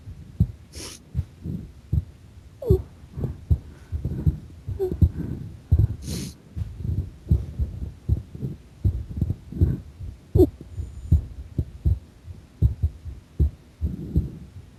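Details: Heart sounds recorded during a breath-hold under pressure: steady low heart thumps at about 78 a minute with no breath noise; normal heart sounds.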